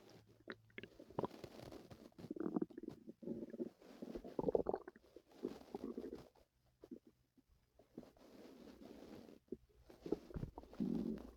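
Irregular gurgling and low rumbling abdominal sounds, typical of active bowel sounds (borborygmi).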